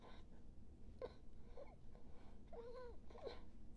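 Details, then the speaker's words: Nurse imitating the laboured breathing of an asthma attack: quiet, strained breaths with faint whistling wheeze tones. "they also have difficult in breathing yeah they have really really sometime you see them they breathe like"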